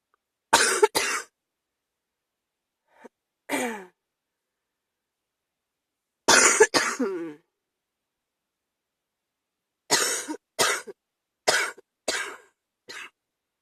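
About a dozen forceful coughs come in short bouts, some with a raspy, voiced tail, typical of a chest cold.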